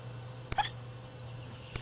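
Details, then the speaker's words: Baby bat being spoon-fed gets hiccups: tiny abrupt clicks with a short high squeak over a low hum; hiccups. "the hiccups the bat has the hiccups okay I hope the ASPCA isn't watching I gave a baby bat the hiccups I really did"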